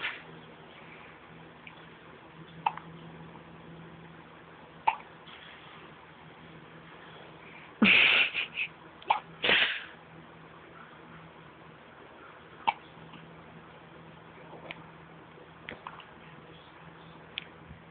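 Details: A 2-week-old infant, recorded while having hiccups, in a quiet room: sharp sneeze-like bursts near the middle with faint soft clicks between them. Infant sneezing.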